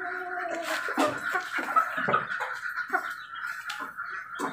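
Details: Follow-up recording of a chicken that had infectious coryza: wet, gurgling respiratory rattles from its airway.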